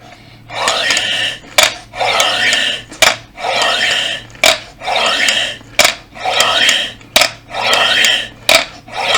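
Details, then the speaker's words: Adult man recently recovering from an illness that worsened his voice, blowing into an upside-down plastic breathing exerciser: about seven rushing breaths, each ending in a sharp click; incentive spirometer exercise. "bu ne oluyor sizin ciğerinizi manuel olarak çalıştırıyorsunuz olay bu"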